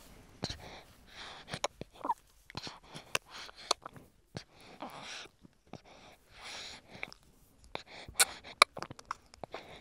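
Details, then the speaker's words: Baby girl breastfeeding, recorded in an anechoic chamber: soft wet suckling clicks and gulps with audible breathing, baby pausing a few seconds after each swallow; normal nutritive sucking and swallowing. "And once again In addition to suckling and swallowing we can also hear breathing. Baby pauses for few seconds after each swallow."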